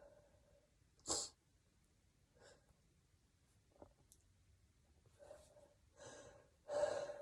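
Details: Several short, quiet sneezes, some stifled and some fuller, wetter spray sneezes, separated by breaths.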